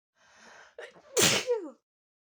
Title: how strong are strong sneezes?